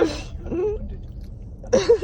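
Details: Two short, sharp, hissing bursts with a brief vocal sound between them: a pet animal named Bo sneezing.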